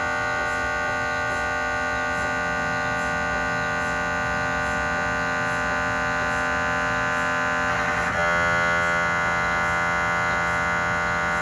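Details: Loud steady electronic buzz with rapid regular pulsing and a pitch change: gradient noise of a cardiac MRI scan on a GE 3T scanner with 8-channel cardiac coil and test phantoms, recorded inside the MRI room.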